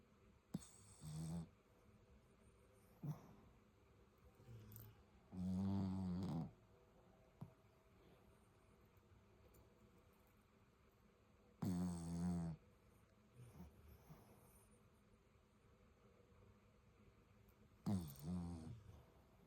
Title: Hahaha grabe they are snoring big time!🤣🤣🤣 #fypシ゚ #fypシ゚viralシ #dogslife